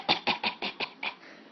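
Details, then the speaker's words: Young child, prompted by his mother, gives a quick run of six short, dry, forceful coughs in just over a second. "you got bad cough oh is that a bad cough bad bad cough let Mama hear your bad cough"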